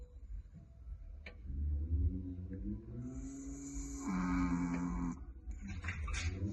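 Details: Sleeping male Chihuahua snoring: soft, low snoring breaths with a higher whistling tone on one breath, with some background sound.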